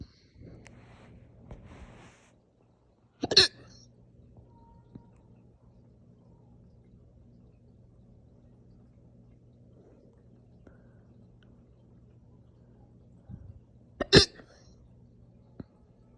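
Two sharp, forceful hiccups about ten seconds apart over quiet room hum, slow but strong hiccups.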